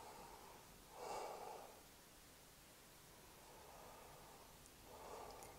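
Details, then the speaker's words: Normal breath sounds over the anterior left upper lobe, heard with the stethoscope diaphragm as the patient breathes deeply during a nursing chest exam: soft, even breath sounds. "then we're going to go down to the fourth intercostal space and we're going to assess where our right middle lobe is and lobes so let's listen to our left upper lobe a little bit more"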